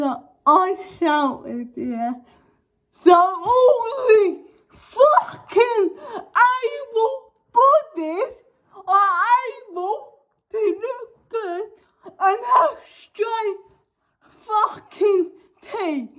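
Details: Young woman with cerebral palsy causing involuntary movements, now wearing braces on her top and bottom teeth; dysarthric speech in cerebral palsy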